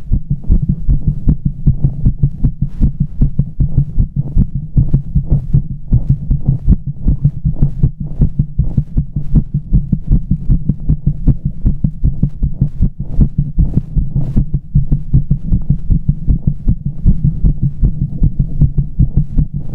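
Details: A fast, steady run of deep, forceful thumps from an adult heart, with a low hum underneath and a sense of pressure. Rapid heartbeat.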